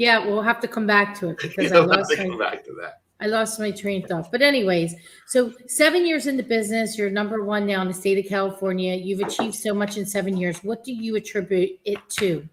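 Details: Adult woman speaking; typical speech.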